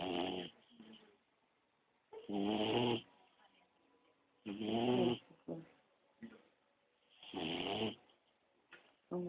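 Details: Sleeping beagle puppy: rhythmic snoring, loud rattly inhalations with quieter exhalations, about four cycles in nine seconds.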